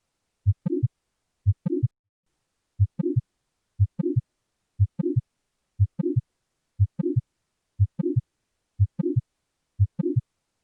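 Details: Regular heartbeat at about 60 a minute with a short, humming murmur late in each systolic phase: late systolic murmur of mitral valve prolapse (MVP) on auscultation.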